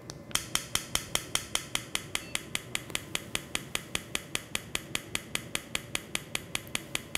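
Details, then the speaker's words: Acoustic rhinometer using sound waves to measure nasal passage size in adult male screened for sleep apnea, breathing normally then pausing: sharp evenly spaced clicks about 150 per minute. "all it's going to do is use sound waves to measure the size of your nasal passage okay you're going to hear a little clicking sound"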